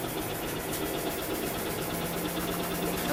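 Steady low mechanical hum with rapid rhythmic pulsing from a chest wall oscillation vest running, with room noise and a voice starting at the end.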